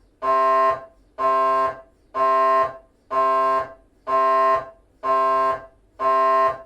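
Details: Loud, tonal buzzing bursts repeating about once a second, like a droning organ note: GE 3T MRI scanner running a T1-weighted axial FSPGR 3D sequence during a petrous bone (Felsenbein) exam.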